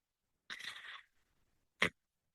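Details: Background sound of the speaker's own mechanical ventilator running during a spoken recording: one mechanical ventilator breathing cycle.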